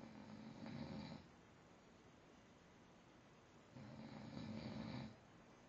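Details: Snoring: two long, low, rattling snores about three seconds apart, separated by quiet exhalation; ordinary snoring.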